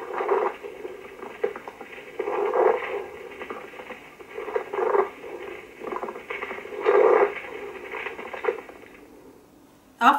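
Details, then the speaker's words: Coarse, grating creaks on lung auscultation during both inspiration and expiration, from inflamed, fibrin-roughened pleura: pleural friction rub, teaching lecture example. "pleural friction wrap hurts through inspiration and expiration and is differentiated by intensity location and duration if patients have some commissures bands between pleural lures at the focus of inflammation"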